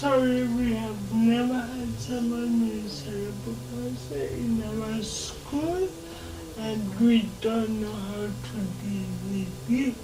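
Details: 26-year-old woman with lifelong cerebral palsy whose speech she says makes her hard to understand, though she is verbal; dysarthria (cerebral palsy).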